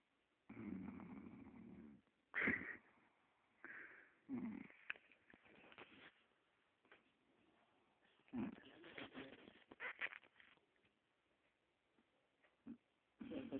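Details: Snoring during sleep: irregular snorting and rattling breaths with short gaps between them.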